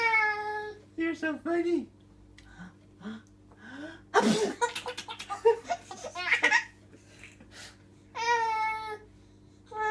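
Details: Sharp, explosive adult sneeze from a father, set between bursts of his infant son's giggling and laughter; sneezing.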